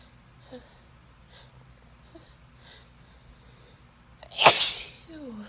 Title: Cold Sneezes with Noseblows (F)